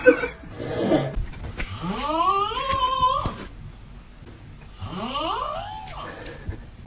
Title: Interesting snoring #snoring #sleep #funny #lol #fpy